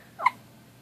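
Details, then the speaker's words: A single short, sharp hiccup squeak from a baby girl in a quiet room; the mother says she gets the hiccups and gets aggravated. "mommy loves you oh my gosh your hiccups are adorable you get aggravated"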